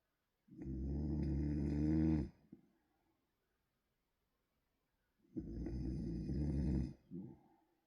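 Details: Two long, loud, buzzing snores separated by a few seconds of silence; heavy snoring.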